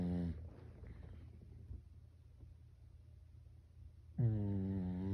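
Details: Snoring in a sleeping Pekingese dog that snores like a person: a loud, low rattling snore on each breath in, separated by a few seconds of quiet breathing out.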